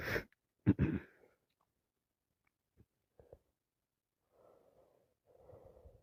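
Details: Person with a worsening head cold, three boxes of tissues used: a sharp sneeze burst then a short cough-like burst, soft sniffs and nose blowing; non-stop sneezing with coughing.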